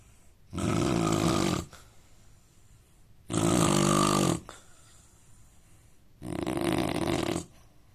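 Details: Indian man snoring: three loud, rough, rattling snores on inhalation, about every three seconds, with quiet breathing between; ordinary snoring.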